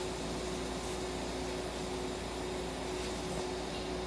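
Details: Bourke's parakeet (akikusa parakeet) in a veterinary ICU incubator receiving warmth, humidity and oxygen therapy; steady mechanical hum and fan-like rushing with a constant low tone.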